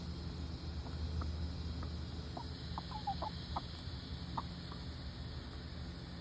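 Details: Chicken sneezing after eating scratch too quickly: several brief, sharp squeaky snorts over a steady low background hum.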